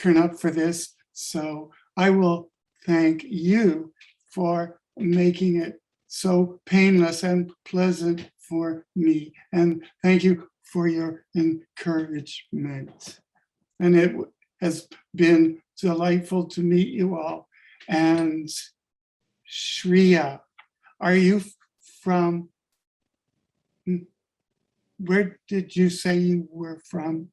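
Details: Adult man with adult-onset stuttering, diagnosed with functional neurological disorder after waking unable to speak, with seizures; he has great difficulty speaking on the phone; stuttering (adult-onset).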